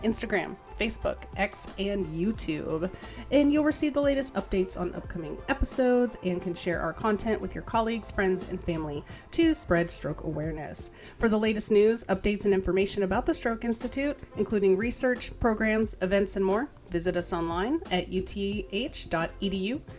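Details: Adult woman speaking, with background music; no speech disorder.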